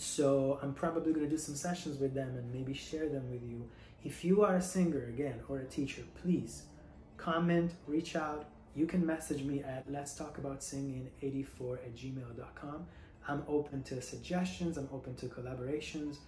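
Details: Adult female singer recovering from Covid-19 with bilateral pneumonia (tested positive March 3); she cannot currently sing and feels her vocal cords are not fully closing; voice breathy versus her usual resonant, projected voice; breathy voice (dysphonia).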